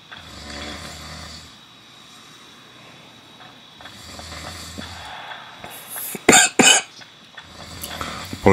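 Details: Coughing while gaming; snoring may also be audible.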